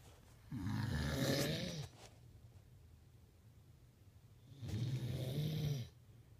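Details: Husband snoring super loud while trying to sleep: two loud, low, rattling inspiratory snores separated by quiet pauses in a quiet room.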